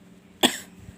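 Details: A young child who is sick with fever, cough and runny nose coughs; the child has had a cold compress and medicine.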